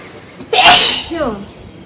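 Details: A single loud, explosive sneeze with a sharp burst of air and brief voiced tail, strong enough to dislodge the sneezer's bindi; from a sneezing challenge.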